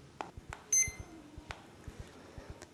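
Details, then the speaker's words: Legacy PCA morphine pump being programmed, unlocked and in the stop position, as the next key is pressed: a single short, high electronic beep over light clicking and room noise. "Assurez-vous que la pompe est déverrouillée, c'est-à-dire sur Ll0 et sur la position arrêt. Pour commencer, appuyez sur la touche suivante."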